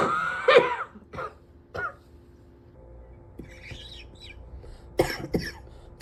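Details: Repeated coughing: about five short, harsh cough bursts, three in quick succession then two more after a pause, over faint room hum.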